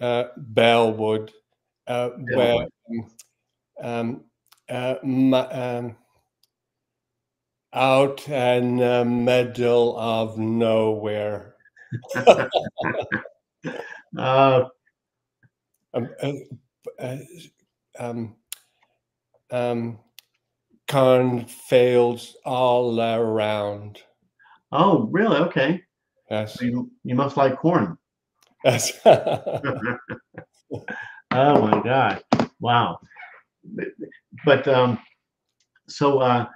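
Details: Man with aphasia reports he no longer gets frustrated when words don't come out; aphasia.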